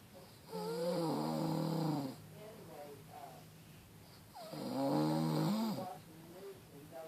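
Two long, loud, rattling snores with a strongly voiced, buzzing quality, separated by quieter breathing; snoring during sleep.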